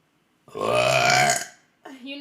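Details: A woman's burp while gaming: one long, loud, voiced belch lasting about a second, followed by the start of speech.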